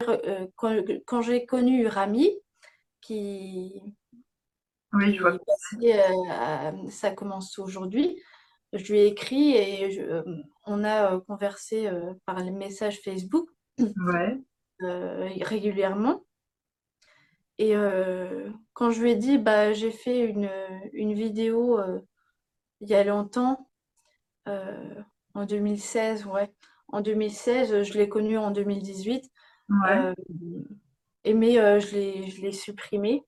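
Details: Young woman, speaking French, with aphasia after a stroke at age 22 that severely affected her speech and grammar, years later; aphasia after stroke.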